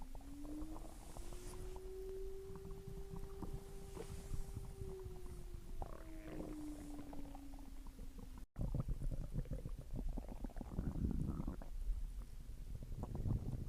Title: Stomach growling after dinner #viralshortvideo